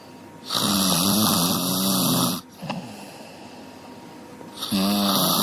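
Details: A sleeping dog gives loud, rattling, honking snores on the in-breath, with a quieter out-breath between them; dog snoring.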